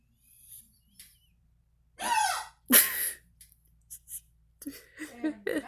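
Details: Young woman with repeated hiccups, her second or third bout that day: two loud, sudden voiced yelps, followed by softer breathy sounds and small catches.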